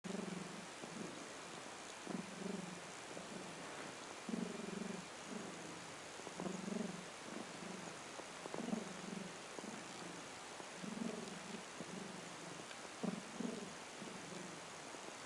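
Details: Rough purring respiration at 3 am: a continuous coarse, rumbling purr rising and falling with each breath, about 14 breaths a minute, with a cough and later throat clearing.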